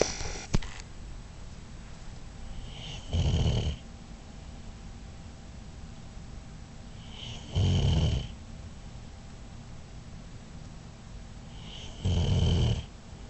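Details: Three loud, low, rattling snores with quiet pauses between, about 13 a minute, from a dog in a quiet room; snoring.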